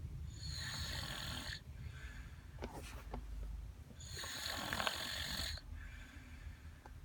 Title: Snoring Kid Can't Wake Up